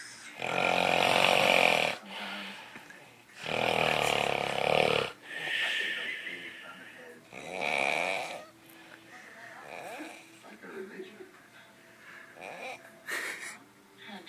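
Loud, harsh, rattling snores of varying strength with snorting breaths in between.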